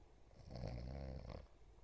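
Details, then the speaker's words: Single low, fluttering snore as the airway reopens after an apnea arising at the completely closed soft palate, heard during drug-induced sleep endoscopy (DISE) with a nasal approach; the tongue base and epiglottis are patent; palatal snoring. "Hay una apnea que se origina en el paladar. El paciente ahora abre y empieza a roncar."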